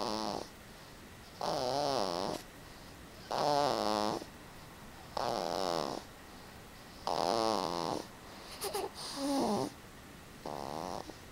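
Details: Snoring: regular rattling snores on each breath, about six in ten seconds, with a quiet room between them.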